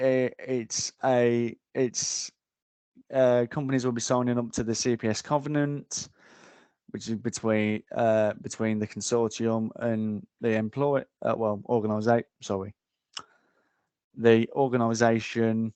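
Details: Adult man, a frontline security officer, described as having a stammer; stuttering.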